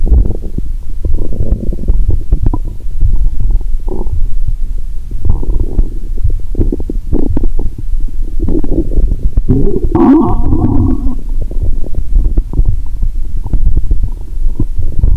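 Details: Stethoscope on the upper abdomen after drinking cola with Mentos: continuous low gurgling and rumbling with bubbly bursts; active bowel sounds, normal stomach rumbling (borborygmi).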